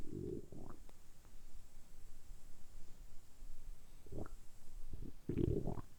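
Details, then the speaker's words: Adult man deliberately producing stomach rumbling by tensing the abdomen for about ten minutes: low gurgling rumbles in several bursts from the belly, ordinary bowel sounds (borborygmi). "今日は単純にお腹を鳴らすだけの動画をお届けしたいと思います。だいたい10分ぐらいずっとお腹を鳴らし続けたいと思いますので、その時のお腹の音をお楽しみください。"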